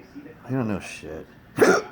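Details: Intractable hiccups recorded August 15, 2019, ongoing since December 9, 2015, with choking episodes, reportedly begun from a breathing spasm; a sharp, abrupt voiced catch in the throat between quiet breaths.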